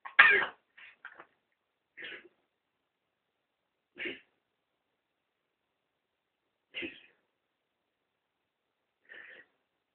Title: morning cough.3GP